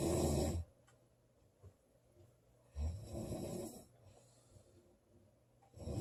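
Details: Loud rumbling snoring from a sleeping girl (recorded July 19 2017), a snore on each in-breath about every three seconds with quiet exhalation between; regular snoring.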